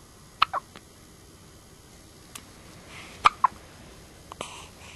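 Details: Child (Olivia) with two sharp hiccups, each a quick double catch in the throat, in a quiet room: hiccups.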